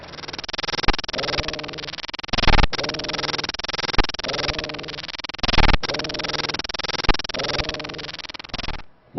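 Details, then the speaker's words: Teaching recording of voice sounds heard through the chest wall: muffled spoken voice transmitted loudly, egophony and bronchophony, signs of lung consolidation. "that sound so this one is egophony egophony bronchophony great names right"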